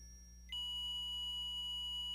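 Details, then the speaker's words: ZOLL M Series defibrillator charged and ready: after a brief quieter stretch a steady high continuous tone sounds for 10 seconds, then intermittent beeping for 5 seconds before disarming if no shock is delivered; ready-to-shock tone. "tone will sound for 10 seconds followed by an intermittent beeping for 5 seconds the shock must be delivered within this 15-second interval or the defibrillator will disarm itself"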